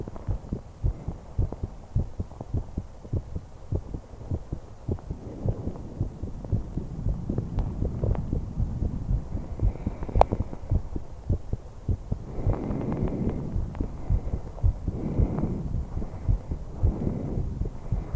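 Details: Heart and breath sounds of a 21-year-old female: steady heartbeat thumps with soft breaths rising and falling behind them; ordinary, normal heart and breath sounds.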